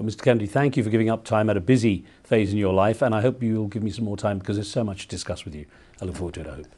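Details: Adult man; normal speech.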